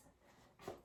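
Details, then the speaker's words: Finger percussion over the front of a male patient's chest (intercostal spaces, right side): a single soft, hollow tap giving a normal resonant note over the lungs, with no dullness or hyperresonance. "and i hear that that all his lung sounds are resonant i don't hear any dullness or hyper resonance"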